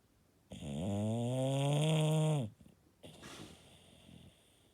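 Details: Bulldog snoring: one long, loud, low snore on breathing in, followed by a softer breathy exhale; typical flat-faced dog snoring.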